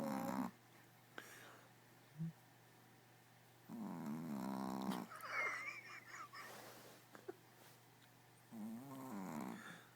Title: Dog snoring